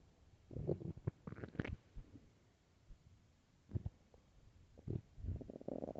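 Low gurgling and rumbling comes from the belly in irregular bursts. These are ordinary hunger bowel sounds.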